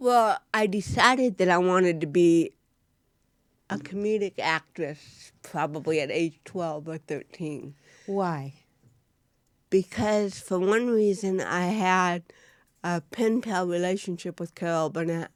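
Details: Real-life speech from an adult woman, an actress, with cerebral palsy present since birth and diagnosed at 18 months; dysarthria due to cerebral palsy.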